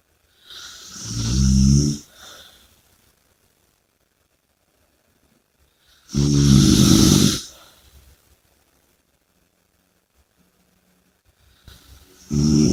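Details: Heavy snoring: deep, rumbling snores with long silent gaps between breaths, at about 11 breaths a minute.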